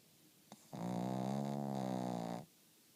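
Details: Kirby snoring: one long, loud, buzzing snore with a steady droning pitch lasting under two seconds, in a quiet room.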